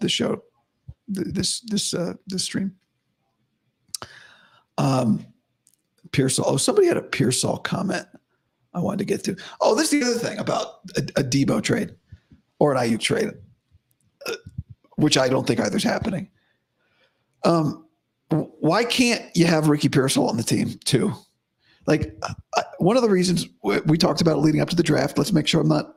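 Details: Male host with dysphonia about five to five and a half weeks after vocal cord surgery; he reports daily improvement but likely unchanged from yesterday after heavy voice use and no sleep.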